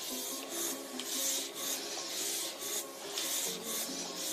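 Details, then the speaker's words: Electric breast pump running: rhythmic hissing, rasping suction about once a second with a faint motor hum. The nipple is drawn in on a low setting being turned up, shortly after feeding, so little milk is expected; the user has breastfed five years. "Okay, so as you can see it's sucking it a little bit, and I'm going to turn it up a little bit more."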